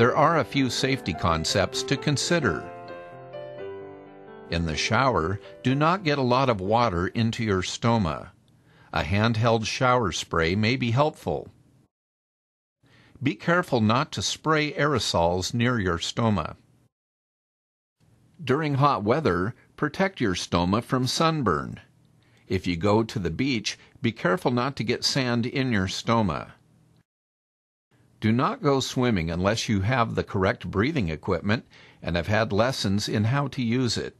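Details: Adult male narrator; normal speech.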